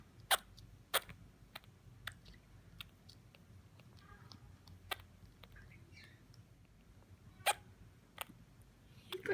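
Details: Orphaned baby female Grey-headed Flying-fox bat in care with hiccups.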